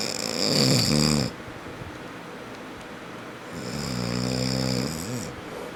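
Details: An adult man (father) snoring loudly during sleep: loud, rattling snores on the in-breath, two long snores separated by a quieter pause.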